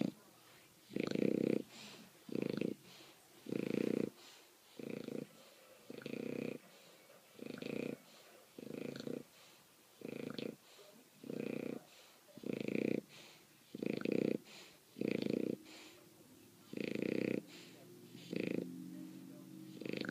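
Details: Bulldog sleeping after the dog park, snoring: loud, rough, snorting snores with each breath, about 16 in 20 seconds, roughly 48 a minute.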